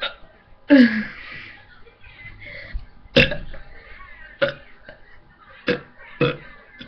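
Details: A person drinking lemonade gives one long, loud belch, then several short, abrupt gulping bursts at irregular intervals, with faint room noise: repeated burping.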